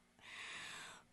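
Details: A single harsh, hissing breath lasting about a second: stridor in a person with subglottic stenosis (airway narrowing just below the vocal cords).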